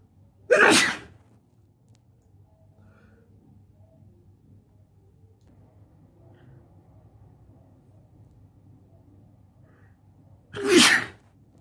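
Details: Two sharp, explosive sneezes about ten seconds apart while sitting on the bed, quiet room noise between; ordinary sneezing.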